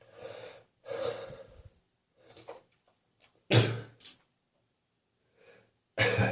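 Several harsh, breathy coughs with gasping breaths between them, spread irregularly; repeated coughing bout.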